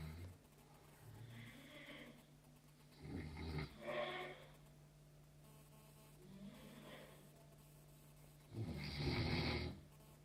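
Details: Snoring: rough, rattling breaths in repeated bursts over a steady hum during sleep.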